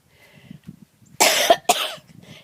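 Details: Woman coughing while talking outdoors on a sunny day filming flowers; two harsh coughs in quick succession, with faint outdoor sounds and quiet movement around them.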